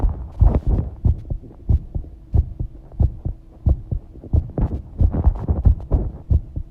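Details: Regular low thumping heartbeats at roughly 90 a minute with watery background noise, heartbeat recorded while bathing; normal heart sounds.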